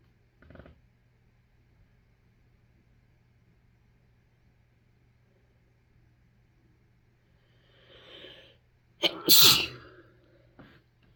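A faint sharp sound, a short breath in, then one loud explosive sneeze with a brief trailing sound in a quiet room.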